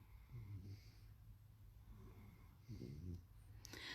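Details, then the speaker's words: Several sleeping coworkers snoring separately, out of rhythm, while another chugs water: snoring. "Look, my coworkers are sleeping on the job. Look, this one is actually snoring."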